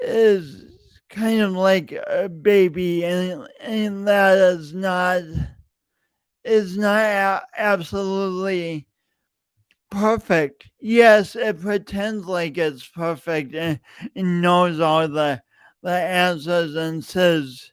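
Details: Real, self-reported speech impediment in an adult male, present for years and heard whenever he speaks; speech impediment (disfluent speech).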